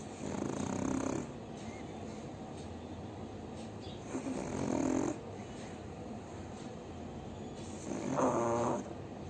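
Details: Sleeping pug: rhythmic, rough snoring about one snore every four seconds over steady background hiss; snoring.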